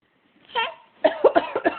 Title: Coughing w momma